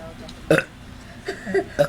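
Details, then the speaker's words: Several people burping in turn after drinking lots of soda: loud, throaty belches over background room noise, talk and laughter. "yeah hey this is us burping okay hold on you go first"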